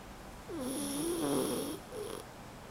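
A soft, wavering nasal snore from a sleeping dog, with a brief fluttering tone on the in-breath.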